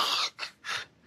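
Three quick, harsh, breathy intakes of air in an imitation of a sleeper's breathing, with a short quiet pause between them: gasping after a pause in breathing.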